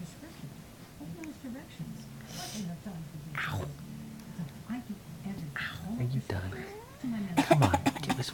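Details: Young child's voluntary fake coughs, encouraged by his mother: several short, deliberate pretend coughs over household noise and distant talk.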